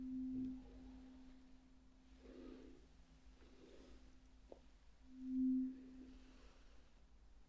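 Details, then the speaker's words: Role-played, simulated bedside cranial nerve hearing test: a struck tuning fork gives a steady low hum that swells once, sounded three times while the listener reports when it fades. "we have a tuning fork I'm going to sound it three times and you are going to tell me um when you can no longer hear it okay"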